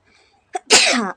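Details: Sneeze deliberately induced during a sneezing challenge: a brief intake of breath, then one sharp, explosive sneeze with a breathy release.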